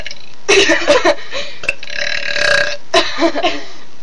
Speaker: let's have a burping conversation okay you go you have to burp in every word